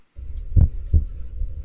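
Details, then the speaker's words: Lecture demo of a stethoscope synced with cardiac ultrasound, sounds heard while the moving heart is seen: two dull low thumps, lub and dub, of a single heartbeat through a stethoscope; heart sounds. "real time using ultrasound or x-ray or sorry ct or mri i've never seen a moving heart and then hearing the heart sounds that i can see"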